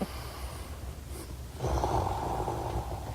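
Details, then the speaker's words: Adult man's snoring recorded by his wife, who said it was loud enough to wake her and went on and on. "I don't want to be a guy who snores well she taped me snoring I still can't believe this is me"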